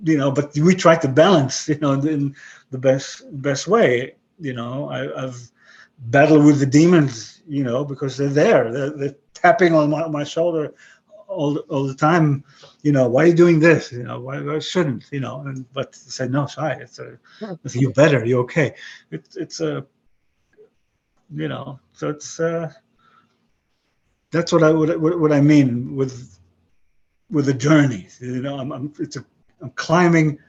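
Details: 62-year-old man with aphasia after a stroke about 11 years earlier; he retains broken English and Hebrew but lost his other languages.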